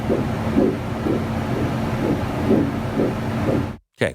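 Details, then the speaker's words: Fetal heartbeat heard by ultrasound: fast, regular whooshing pulses at about 125 a minute. "if you haven't heard a fetal heartbeat here is a fetal heartbeat from"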